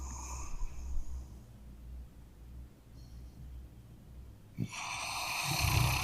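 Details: A sleeping dog with one eye open and a twitching nose, snoring with low rumbling breaths, a snort and a louder rasping breath near the end.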